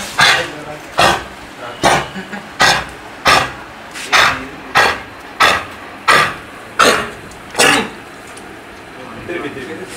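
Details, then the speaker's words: Dog with kennel cough (canine infectious tracheobronchitis): a run of about eleven harsh, dry, forceful coughs. "Symptoms can include a harsh, dry cough, retching, sneezing, snorting, gagging or vomiting in response to light pressing of the trachea or after excitement or exercise."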